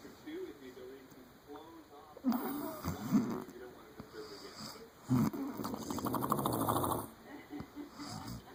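Loud, rattling snorts on the breaths, with faint squeaky sounds between them; snoring.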